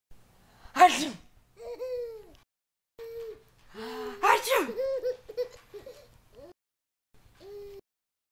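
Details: Adult with two sharp sneeze bursts, each followed by an infant's high-pitched giggles and squeals; sneezing.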